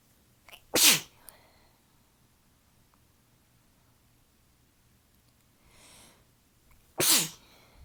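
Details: Adult tickly sneezing fit attributed to allergies, weather change and fatigue: two forceful sneezes, each preceded by a short inward catch of breath, with a soft breath before the second.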